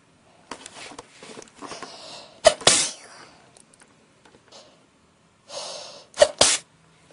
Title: Really bad sneezing fit